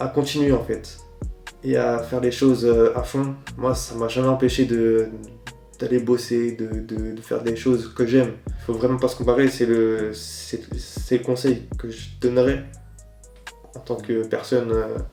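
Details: Stuttering in an adult man who reports 23 years of struggle; it varies with stress, fatigue and audience, with choppy, heavily blocked speech in groups and smoother speech when alone.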